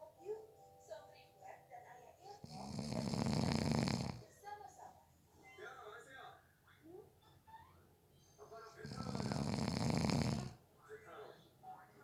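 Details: Person napping who fell asleep within 30 seconds: two long, loud, rattling inspiratory snores with quieter breathing and faint background sounds between; snoring.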